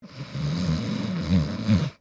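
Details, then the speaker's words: Snoring sound used in a health news report linking snoring with overweight or obesity; snoring. "sonido es el de un ronquido, el cual está asociado con el sobrepeso u obesidad."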